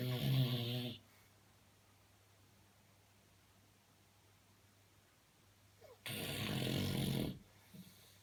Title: Snoring man - The revenge